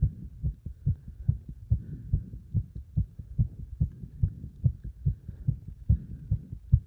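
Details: Rapid, steady heartbeat of about 140 beats a minute right after hard exercise combining beeper test and squats; a normal rise in heart rate with exertion.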